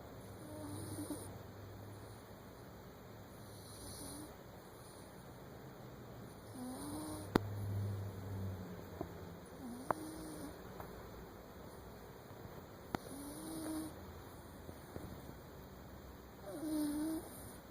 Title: Snores Galore